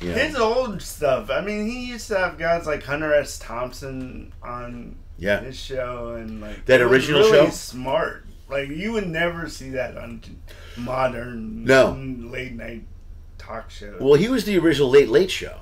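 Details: Adult male comedian with lifelong dysarthria from cerebral palsy present since birth, speaking on stage; says he always sounds like this; dysarthria (cerebral palsy).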